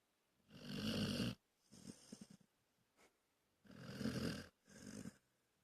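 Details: Dog snoring during a nap: alternating loud rough inward snores and softer snorting outward breaths, about two cycles in six seconds.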